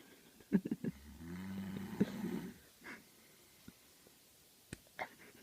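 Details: Male cousin snoring so loudly and sleeping so deeply that being slapped 15 times did not wake him: one deep, vibrating, growling snore over a second long with snorts and knocks.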